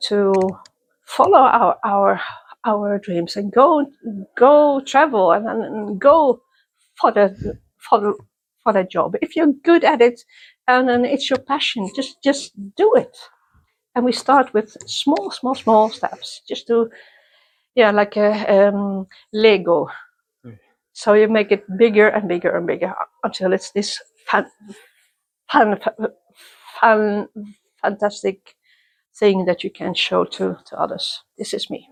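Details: Adult woman who stutters, attending youth meetings for people who stutter since 1995; part-word and whole-word repetitions; stuttering.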